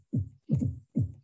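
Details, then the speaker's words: Teaching recording: low dull heart sounds with an extra soft beat just before S1, "Tennessee" cadence; fourth heart sound (S4). "so this was like how it was tennessee so i will put that again so this 10 sound is actually the s4 and missy is s1 and s2 that is how it comes"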